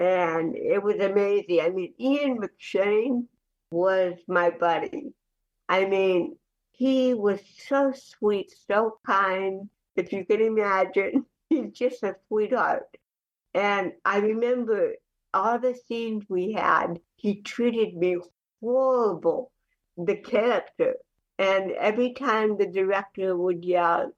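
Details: Adult woman with cerebral palsy since childhood, also hearing impaired, speaking in a real conversational interview; dysarthric speech (cerebral palsy).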